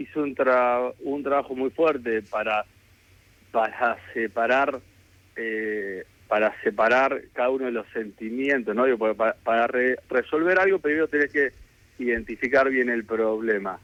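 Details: Adult man who has stuttered since childhood and still lives with it, speaking Spanish in a real live radio interview; stuttering.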